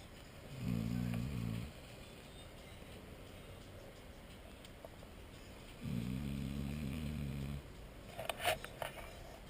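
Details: Man snoring in sleep after a hard night's work: two long, low, vibrating snores about five seconds apart over steady room hum, roughly 12 breaths a minute; ordinary loud snoring.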